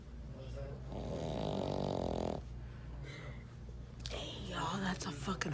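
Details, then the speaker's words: Loud, rattling snore from a sleeping dog that builds and fades, then a second rougher, noisier stretch over a low steady hum: dog snoring. "Hey, these are dogs that are snoring like this. Who does that? My man. Y'all, I never seen anybody or any animal do that shit before."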